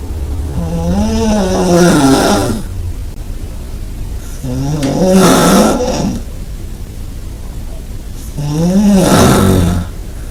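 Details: Person snoring in bed, recorded about 20 cm from the snorer: loud, deep, rattling snores on each breath at about 17 per minute, three long buzzing breath cycles in a row.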